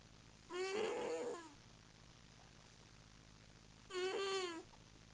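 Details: Cat snoring in its sleep: two drawn-out, whiny, squeaky nasal snores a few seconds apart.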